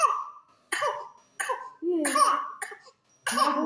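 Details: Pertussis (whooping cough) paroxysm in a 3-month-old infant: run of quick, high-pitched coughs with strained, crowing in-breaths between them.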